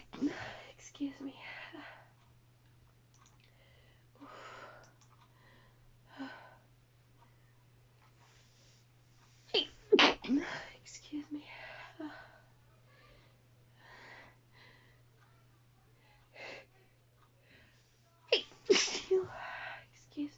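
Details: Adult woman who then says she feels dizzy: several muffled, stifled sneezes and a failed holdback, then two louder released sneezes over a steady low hum.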